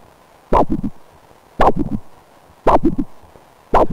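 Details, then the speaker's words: Point-of-care arterial Doppler example of multiphasic flow: repeating whooshes, each a sharp strong sound followed by two softer beats, a normal triphasic arterial Doppler signal. "so these are representations of multiphasic flow and it sounds like this"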